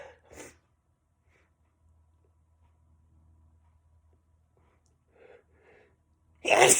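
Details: A quick breath in, a short pause, then a sudden explosive sneeze, with a faint earlier sneeze at the start; one of a series of sneezes from a sneezer labelled "(m)".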